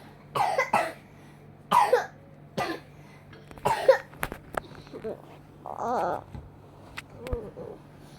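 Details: A sick child coughs about four times in short bursts with brief vocal sounds between; cough during illness.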